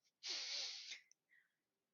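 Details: Sneeze from a speaker with a cracky voice: sneeze.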